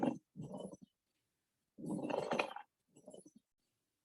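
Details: Pleural friction rub lung sound from a respiratory assessment lecture for nurse practitioner students.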